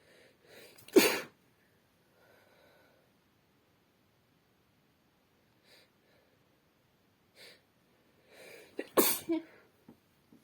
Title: Sneezing into a handkerchief and napkins (F)